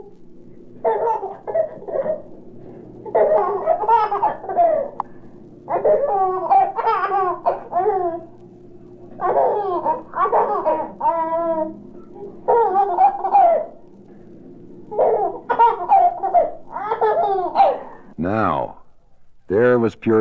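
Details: Infant laughter, from a 1967 recording of babies' sounds for expectant and new parents.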